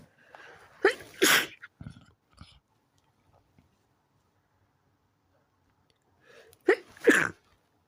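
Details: After stifling earlier sneezes, the person lets them out: two loud, explosive sneezes, each preceded by a quick catching breath, separated by a few seconds of quiet; the sneezes grew stronger each time.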